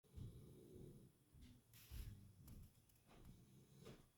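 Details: Soft, low, irregular rumbling breaths with occasional snorts about every two seconds; snoring.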